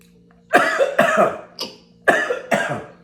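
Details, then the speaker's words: Person coughing and choking after a pepperoncini went down the wrong pipe while eating: five sharp, harsh coughs in quick succession over steady background hum. "went on the wrong pipe so yeah"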